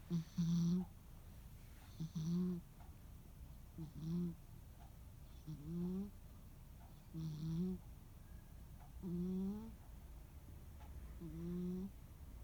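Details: Sleeping rescue cat on a quiet holiday afternoon: soft, regular snoring, about 7 breaths in 12 seconds, with a low fluttering rasp on each breath; snoring.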